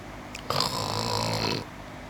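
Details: Cat asleep on a scratching cardboard, one drawn-out rattling snore lasting about a second with quiet room sound around it; ordinary snoring during sleep.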